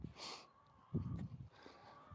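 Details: A barrel-racing quarter horse mare, outdoors in Arizona during a chiropractic adjustment and recheck, gives a short forceful nasal snort with a soft breath and light outdoor noise: snorting.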